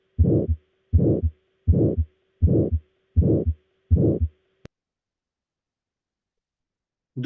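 Regular heartbeats at about 81 a minute, each with a rough, filled-in murmur, followed by a pause and a brief voice: an aortic stenosis systolic murmur.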